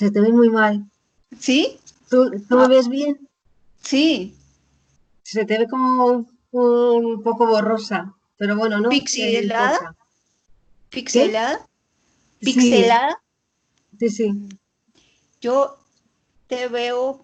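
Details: Aphasia in an adult woman, founder of an aphasia foundation, after a stroke about 20 years ago; Spanish speaker, real patient in chronic stage with ongoing therapy.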